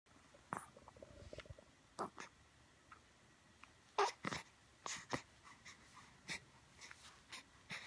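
A run of short, sharp nasal bursts with snorting sounds in between: repeated sneezing.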